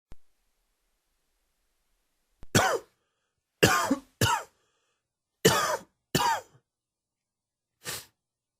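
A run of six short, dry coughs in brisk bursts with pauses in a quiet room, an allergy-triggered coughing fit.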